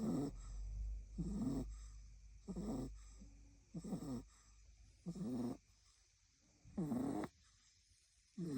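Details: Female French bulldog (flat-faced) puppy asleep in the owner's lap, snoring: short, rasping, whistly snores about every 1.5 seconds.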